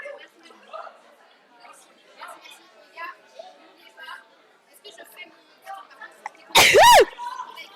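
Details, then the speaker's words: A single loud, sharp sneeze near the end after quiet background talk, from a streamer in a random-sneezes compilation; sneeze. "Sorry. I sneezed the other day when I had water in my mouth."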